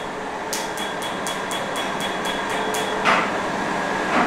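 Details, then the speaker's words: PicoWay picosecond laser treating a foreign man's tattoo, the pigment turning white as it is hit: sharp snapping clicks about four times a second over a steady rush of cooling air. "khi bác sĩ Chiếu tia laser vào vùng xăm cho anh cara như thế này thì ngay lập tức vùng xăm của anh các các hạt sắc tố sẽ bắt màu với laser và chuyển sang màu trắng ngay nha mọi người"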